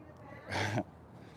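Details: A single forceful breathy snort, under half a second, against quiet room noise, from a mare during an equine chiropractic session; she is sore on one diagonal.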